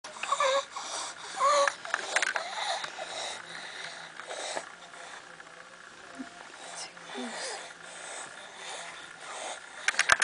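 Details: Young boy hospitalized with croup, later diagnosed with subglottic stenosis from a deformed cricoid cartilage, has harsh, high-pitched noisy breathing on both inspiration and expiration; stridor.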